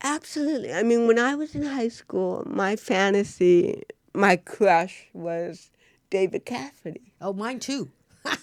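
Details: Real-life speech from a woman, an actress, who has cerebral palsy; dysarthria in cerebral palsy.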